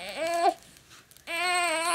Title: Day 49 - Tummy time is no fun